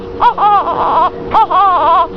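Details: Hungry baby girl awaiting feeding: rhythmic, rising-and-falling infant wails in short repeated bursts; ordinary, healthy hunger cry.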